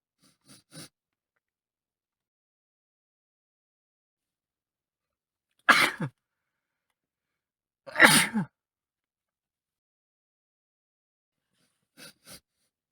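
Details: Adult male with a cold that is improving, sitting in a car: a sneezing fit of two loud sneezes close together, less wet than before, with sniffs and breaths before and after.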